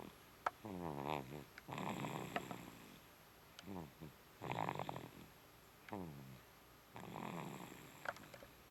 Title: 01-snoring like daddy